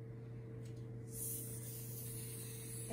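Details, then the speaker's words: Manual blood pressure measurement demonstration: after inflating 10–20 above the palpated pulse-loss point, cuff valve slowly opened, soft steady hiss of escaping air over low room hum while awaiting first beat (systole); cuff deflation hiss. "vamos a inflar de diez a veinte más y vamos a comenzar a desinflar de poco en poco hasta sentir el primer latido que sería la sístole"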